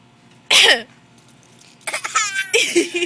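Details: Young child deliberately imitating an adult's cough: one harsh, forced cough followed by brief playful voiced vocal sounds; imitated cough, not a real one.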